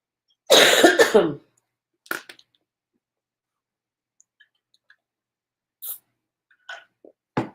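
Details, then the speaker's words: One strong harsh cough followed by short throat-clearing sounds in a quiet room while the speaker complains about the voice during a live show; cough with throat clearing. "Because my voice sounding like this is really bothering me."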